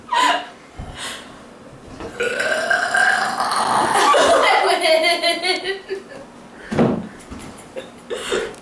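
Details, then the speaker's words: A girl's long, loud, drawn-out deliberate burp during a family burping contest between sisters, with short laughs and voices before and after; burping. "okay so here we are in the lot household and we're having a burping contest I can't even burp like this but my daughter's can's next"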